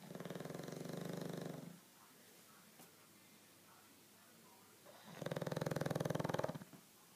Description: My 7 month old bulldog mater snoring like a boussse